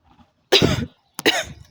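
Two harsh, rough cough bursts separated by a short pause; a smoker's cough.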